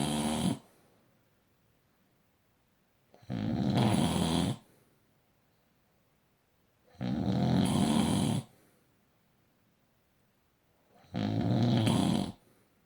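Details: Person snoring: regular harsh snores about 16 a minute, each over a second long, with near silence between them.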